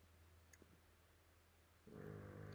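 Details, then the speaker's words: A quiet hum, then a low, rough, rumbling snore near the end from the owner's sleeping dog, picked up in the background of a recording: dog snoring. "And can you hear my dog snoring again? Totally sabotaging this recording."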